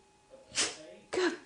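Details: Dog performing a learned sneeze trick on cue: two short, sharp, airy sneeze-like bursts.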